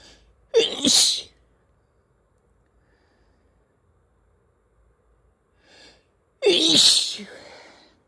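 Two loud, explosive sneezes, each with a quick intake of breath before the burst, about six seconds apart in a quiet room.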